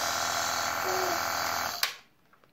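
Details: 3-year-old boy with flu doing self-inhalation with a nebulizer; a steady buzzing compressor hum stops abruptly with a click as the nebulizer switches off.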